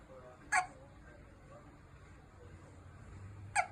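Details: Newborn baby hiccupping calmly: two brief, sharp hiccup sounds about three seconds apart over quiet room noise; infant hiccups.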